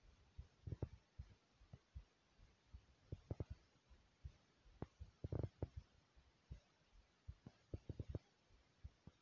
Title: My Soft Heartbeat ❤❤